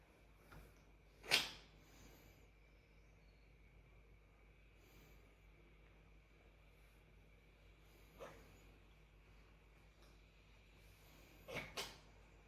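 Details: Grey cat coughing right after vomiting soon after being fed: a few short, sharp, sneeze-like coughs separated by long quiet gaps in a quiet room.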